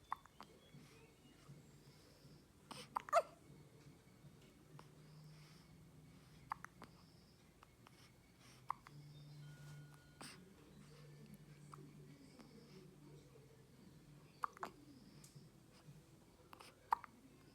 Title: Cute newborn baby with hiccups|shorts baby video |after 15 days #trending